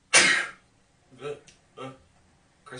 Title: 1minute of sneezing.